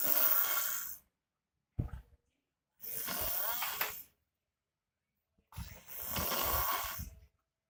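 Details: Man sleeping on the floor tiles: loud, harsh snoring with rattling breaths and silent gaps between them; heavy snoring.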